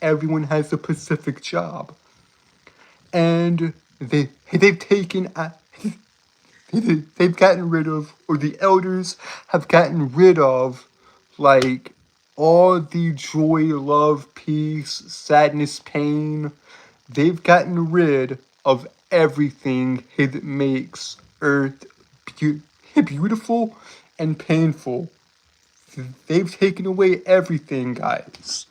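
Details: Adult man with a self-reported speech impediment causing stuttering and tripping over words, speaking on a live stream; audible repetitions; stuttering.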